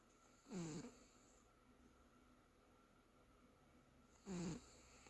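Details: Sleeping cat snoring: two soft, snorting snores about four seconds apart over quiet room noise.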